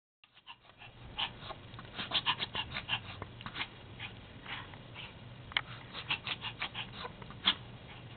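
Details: Rapid bursts of snorting, honking inhalations from a Pomapoo dog. The owner describes episodic wheezing, breathing-funny attacks that come and go and have not resolved with medication: reverse sneezing.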